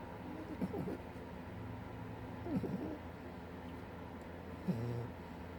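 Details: 6-month-old French bulldog asleep on a chair at the end of the day: snorting, rattling snores about every two seconds over steady room noise; a flat-faced puppy snoring.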